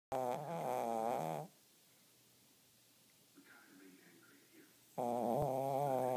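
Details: Snoring: loud, buzzing, tonal snores with a fluttering quality, separated by a pause of soft breathing.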